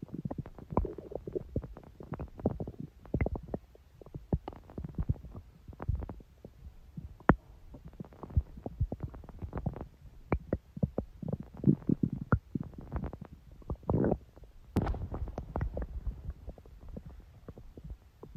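Continuous gurgling, rumbling and popping bowel sounds throughout; ordinary stomach growling.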